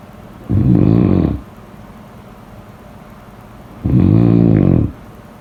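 Two low, rattling, buzzy snores about three seconds apart, with quiet breathing gaps between, consistent with snoring during sleep.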